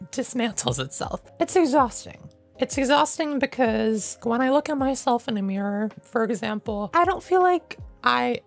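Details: Adult male with self-identified, not professionally diagnosed functional voice disorder, ongoing about 9 years since he held his pitch unchanged through puberty; higher-pitched voice: mutational falsetto (puberphonia).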